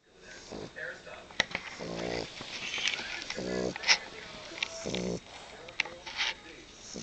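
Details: French Bulldog snoring while napping: three low, rattling, buzzing inward breaths about a second and a half apart, with faint clicks and room noise.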